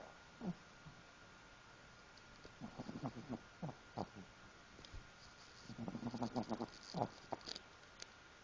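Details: Newly adopted Pomeranian snoring while asleep: soft irregular snuffling and snoring noises in short bursts over a quiet background.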